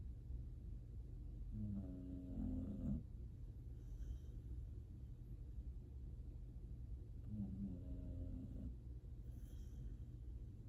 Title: Happy The Pitbull’s Snoring Is Cute, Funny AND So Relaxing! #happythepitbull #asmrdogsnoring